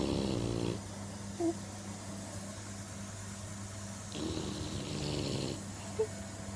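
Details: Sleeping Staffordshire bull terrier snores with steady, rumbling, fluttering long slow breaths about every 4 seconds, with faint whistles; snoring.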